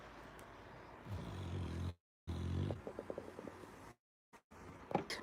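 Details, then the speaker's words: Pet named Dylan snoring while resting directly beneath the owner's chair: low, rough rumbling breaths with brief dropouts and faint room noise. "Dylan is snoring I don't know if you can hear him but he's under it right underneath my chair directly underneath me"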